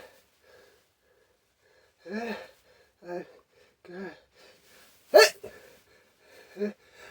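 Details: Several drawn-out voiced catches of breath build up to one loud, explosive sneeze, followed by a brief vocal sound; sneezing.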